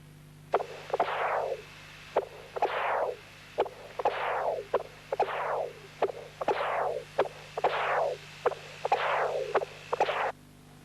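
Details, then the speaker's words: Doppler of a caged-ball tricuspid prosthesis: rhythmic whooshing flow signals with sharp valve clicks, about 25 a minute; inspiratory cycles show a higher early peak velocity and mean gradient, though H hears flow steady with breathing. "inspiratory Cycles show an increase in early Peak velocity as well as an obvious increase in mean gradient"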